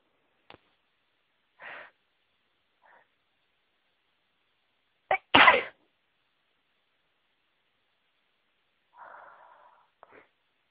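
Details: Person sneezing after being near a flower that always makes them sneezy: a quick intake of breath, then a loud, explosive sneeze with softer breaths and sniffs around it; allergic sneezing.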